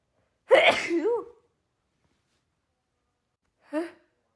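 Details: A female with pollen allergy gives one forceful sneeze with a sharp intake and a voiced tail, then a small second sneeze, during an uncontrollable pollen sneezing attack.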